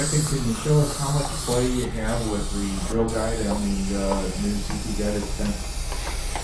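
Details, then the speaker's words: Steady hissing whir of a surgical drill cutting a pilot hole for a mini dental implant, lower bicuspid region, guided by a CT stent. Patient awake, reports no pain. Low room hum. "we made our next hole we're going to use a 13 mm implant now in the third hole because that's what the CT stent prescribes it"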